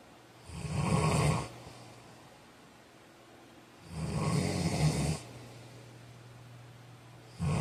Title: Snoring 43